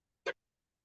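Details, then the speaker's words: A pet rabbit sneezing again after Timothy hay, to which it is allergic, was put back: a single tiny, sharp puff of air in a quiet room. "Can you hear Scooby sneezing? He's got an allergy to the Timothy hay."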